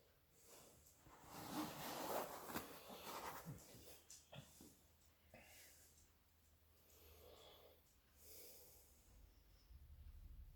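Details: Noisy snorting, snoring breaths with irregular rasping bursts during sleep in a dog-versus-owner snore contest, from a Labrador or its owner: snoring.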